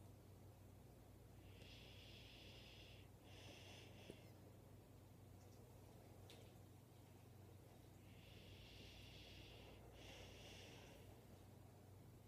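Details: Snoring during a last nap in the owner's arms: two pairs of hissing, rasping breaths over a steady low background hum.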